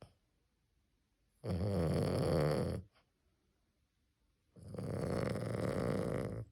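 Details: Small puppy snoring in sleep: two deep, rumbling, fluttery snores separated by silent pauses, heavy like an old man's snoring.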